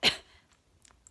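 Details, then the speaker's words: Controlled cough with a pillow splinting a fresh cesarean scar, postnatal in a hospital bed, lifting the pelvic floor and directing the cough forward and up: a single short, sharp supported cough, then quiet. "if you are coughing obviously pillow there and see if you can kind of lift up through the pelvic floor and direct the cough slightly forward and up rather than down"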